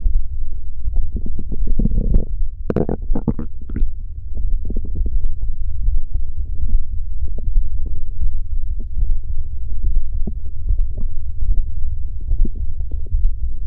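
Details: Continuous low rumbling and gurgling stomach growl that rises and falls without stopping; ordinary borborygmi.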